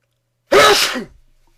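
A single loud, explosive sneeze with a sudden onset and a brief fading tail.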